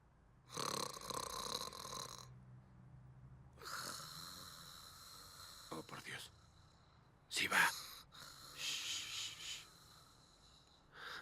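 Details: Acted, exaggerated snoring from a TV drama (NCIS): loud, rasping snores come in long bursts with quiet pauses between them.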